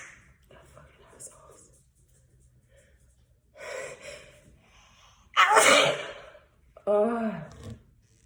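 Quick breathy intakes, then one loud explosive sneeze followed by a shorter voiced sneeze; a run of sneezing in an adult.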